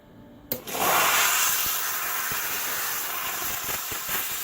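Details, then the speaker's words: Sharp click, then a steady loud hiss from a dental lab steam cleaner (Reliable 5000CD, 50 PSI steam) used to remove the heat shield from a soldered wraparound orthodontic retainer. "here's one where we've soldered the wraparound soldered sees we still got the heat shield on there and we use a steamer to take that off too"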